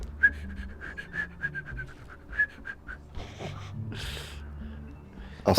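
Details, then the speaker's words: Two-week-old, half-pound fostered baby animal sniffing an ear: a rapid run of short, high, thin whistles on each quick sniff, with one nostril whistling. "She'll climb up onto my shoulder and like sniff my ear, and you can hear that one of her nostrils has a nose whistle. Kind of like your kind of like your snorer."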